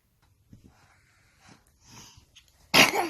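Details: Baby who sneezes every morning: soft snuffling breaths, then one sudden, forceful, hissing burst; a sneeze.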